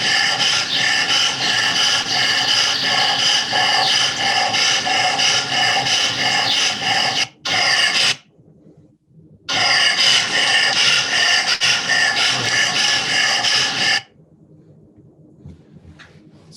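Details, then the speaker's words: Older large-breed dog, typically Labrador Retriever, with loud, harsh rasping inspiratory upper airway stridor and obstructive breath sounds; most likely laryngeal paralysis, though other causes still need ruling out. "this dog most likely has laryngeal paralysis that's most likely the reason for the upper Airway Strider and sounds of obstruction that you're hearing"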